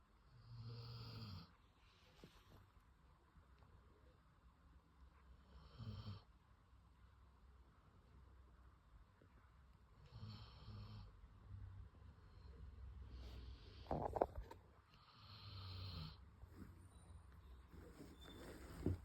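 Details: A sleeping Labrador dog snores in slow, rumbling bursts, about a dozen breaths a minute, in a quiet room: snoring.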